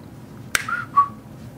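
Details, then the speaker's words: Adult man with Tourette syndrome and schizophrenia: a sharp finger snap followed by a brief two-note whistle, tics that come in pairs, which he describes as barely controllable, like a sneeze. "can you control that very minimally it's almost like a sneeze if you you know think about a time that you really really have to sneeze and you can't hold that back you know you try but you can't so and they come in pairs like that a snap and a whistle"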